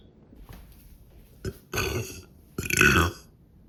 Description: was so drunk making this, these r weak i need someone to teach me how to do them longer and better